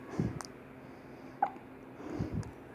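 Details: A baby's several brief, abrupt, jerky sounds, spaced irregularly over a few seconds, with low room noise; infant hiccups.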